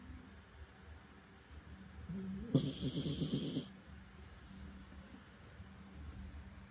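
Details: Snoring in a sleeping 12-year-old Spitz dog: a low, rattling snore with one louder, whistly snorting burst against quiet room noise.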